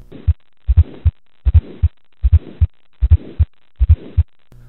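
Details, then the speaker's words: Simulated aortic stenosis heard at the right neck on a male auscultation manikin with stethoscope: regular heart sounds about 77 a minute with a harsh radiating systolic murmur. "you'll feel a systolic thrill the direction of the thr is toward the right neck listen with your stethoscope and this is what you will"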